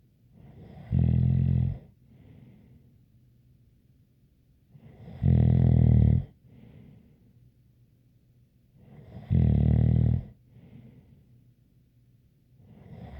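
Loud buzzing snores on each in-breath about every four seconds, with a light whistle and softer out-breaths; snoring.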